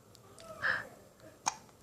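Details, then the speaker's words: Hiccups in an 8-week-old baby girl: a soft infant coo followed by a single brief, sharp hiccup. "how are your hiccups that was a big one that was a big old one"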